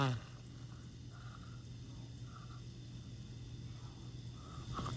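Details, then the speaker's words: Death rattle (terminal respiratory secretions) in a man very close to death at end of life, getting louder and wetter, with gurgling as he still preserves his airway. "This is what the family told me when they sent this video that it was very close to the person's death. And I want to show you how there is a difference. It gets a little louder, a little wetter."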